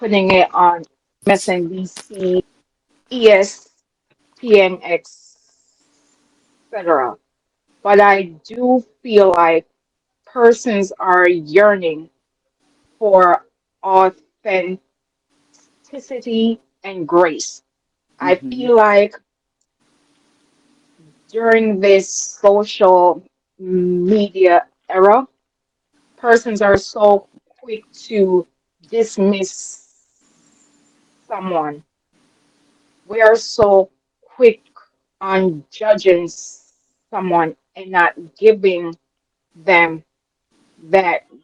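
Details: Adult woman with a self-reported, audible speech impediment she calls her "disability"; real, dysfluent speech: speech impediment.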